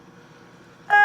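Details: Quiet room hum, then a steady two-tone electronic beep: a Respironics V60 non-invasive positive pressure ventilator signalling as it goes into standby after not sensing a patient.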